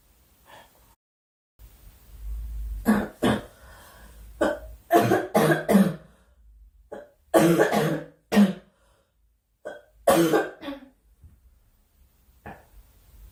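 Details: Young woman, apparently unwell, with several bursts of harsh coughing and throat clearing in irregular clusters separated by quiet pauses, about six episodes; repeated coughing.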